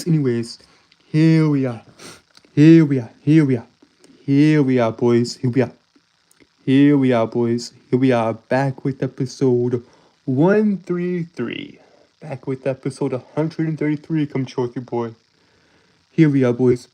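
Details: Adult male streamer with a self-described speech impediment that makes him stutter and trip over his words; stuttering.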